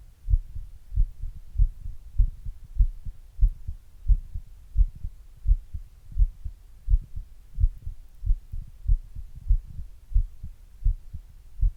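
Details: Own heart recorded with an earbud microphone and a glass: steady low normal heartbeat about 87 per minute.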